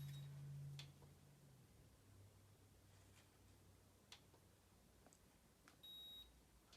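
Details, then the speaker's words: Short high electronic beeps from a forehead thermometer as a child's temperature is taken in a role-played exam for a student epiglottitis and pharyngitis project. "I'm going to go ahead and take your temperature, okay? This just goes right in front of your forehead."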